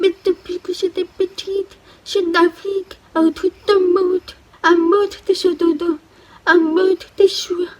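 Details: Deaf woman who hears through a cochlear implant but still has difficulties and does not understand everything; she also practises sign language and speaks orally; deaf speech (cochlear implant user).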